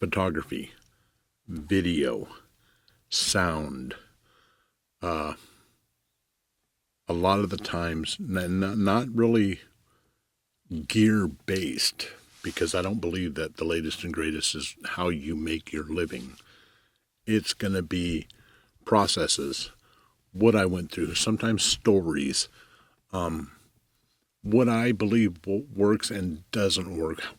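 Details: Adult male commercial photographer who says he stutters, with pauses and skipped words; stuttering.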